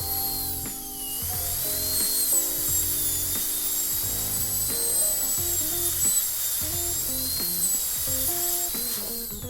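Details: High-speed dental drill dropping the margin to reduce a heavy chamfer on an anterior PFM crown preparation, burr end at the margin; steady high-pitched whine over soft background music.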